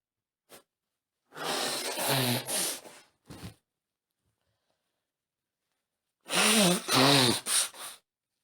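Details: Woman with a cold: two bursts of forceful sneezing, each with a sharp intake of breath and a loud voiced sneeze, during the day; sneezing.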